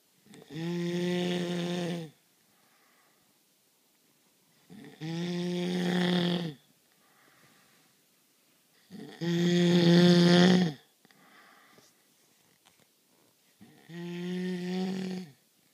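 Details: Person snoring heavily who denies snoring: four loud, droning, tonal snores on the in-breath, about 14 breaths a minute, with quiet out-breaths between.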